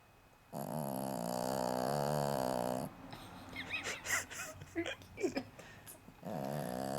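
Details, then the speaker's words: Loud snoring from a ~9-month-old female Cavalier King Charles Spaniel, tired after arriving home on her first day with another dog: two long, rattling snores separated by short snuffling sounds. "we have a snore here it's their first day together we just got inside the house and they're a little tired she's so loud"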